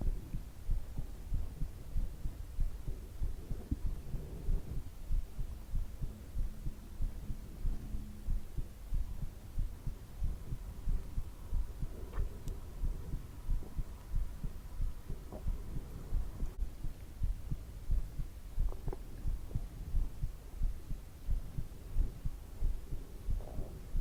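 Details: Steady, low thumping normal heartbeat at about 92 beats per minute with a faint background hum, presented as a relaxation recording.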